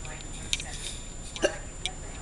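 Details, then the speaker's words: Painful hiccups in a patient the day after stomach surgery, at the first meal: three brief, abrupt catches of breath with soft clicks about a second apart over faint room noise; hiccups. "got the hiccups and they just started I don't know what and it hurts it kind of sucks"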